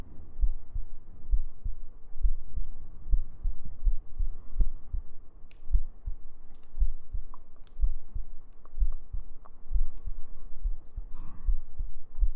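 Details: ASMR sleep-aid heartbeat recording with gentle breathing and humming: steady, regular low thumping normal heartbeat about 70 beats a minute with soft hum underneath.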